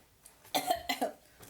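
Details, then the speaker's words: Two harsh, rough, rattling coughs, wet with mucus, from a woman sick for a month, wheezing and later prescribed antibiotics: productive "rusty" cough. "and when I koffice that rusty cough you know that cough right like a soul smoker with all that mucus up in here that's how I sound like an old rusty"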